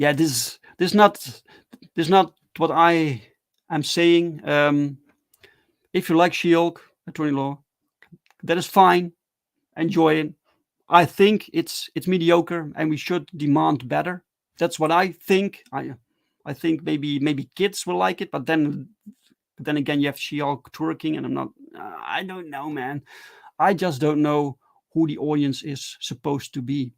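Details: Adult man who stutters, speaking English with repeated words and phrases; stuttering.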